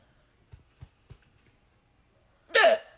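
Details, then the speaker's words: A French bulldog with a bad case of hiccups: three soft, evenly spaced hiccup jerks about a quarter second apart, then a brief louder vocal sound. "my hiccups are so annoying. They were really bad a few minutes ago. It's pretty embarrassing."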